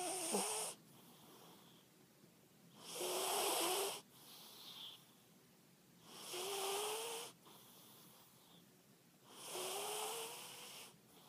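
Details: Sleeping cat snoring in rhythmic bursts, about 18 breaths a minute, each with a whistling, buzzing tone and quiet pauses between.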